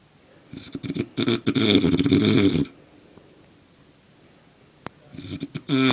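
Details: Adult man sleeping soundly, snoring: a loud rattling snore on the in-breath, a quiet pause, then the next snore beginning.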